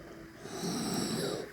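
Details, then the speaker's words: 29-year-old woman with an abnormally small, progressively narrowing windpipe (tracheal stenosis), tracheostoma under a neck plaster, on nasal oxygen: a single harsh, rough, snore-like breath, stridor. "Das Geräusch, also dieses Atemgeräusch, das wir ja jetzt hören, kommt es auch von dem Pflaster oder woher kommt das"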